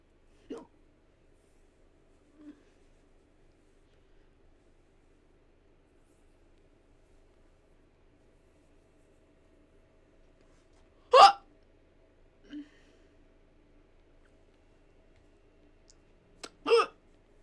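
Quiet room with a few abrupt short gulping sounds spaced seconds apart; hiccups.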